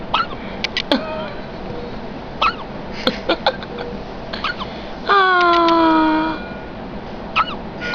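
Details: Dog hiccups: irregular short squeaky gulps and sharp catches, with a longer whine midway, in a small quiet room.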